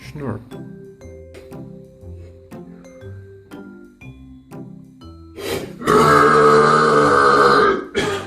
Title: Wave Shorts S1 Ep. 14: Burps